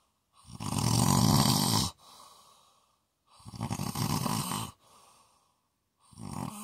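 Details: Loud, rattling snores on each in-breath with quieter out-breaths between, roughly twenty breaths a minute; ordinary heavy snoring.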